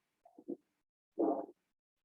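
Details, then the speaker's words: Harsh mesosystolic ejection murmur, crescendo-decrescendo, loudest at mid-systole, on a short heart recording. "acá podemos escuchar un soplo sistólico dónde se escucha muy claramente la mayor intensidad la mitad del software"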